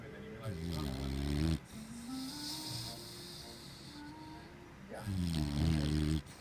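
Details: Loud, deep, fluttering snores on each breath with a whistling tone between them, over background music and talk; rather loud snoring during sleep.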